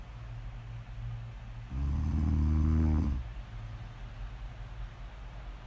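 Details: Loud, low, rattling snores on the in-breath with quieter breathing out between them; snoring, recorded as snore audio ASMR.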